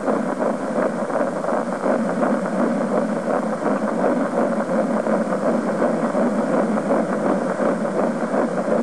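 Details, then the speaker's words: Fetal heartbeat at 8 weeks: fast, rhythmic whooshing pulses at roughly 165 beats per minute through a steady hiss. "That was your heartbeat at 8 weeks."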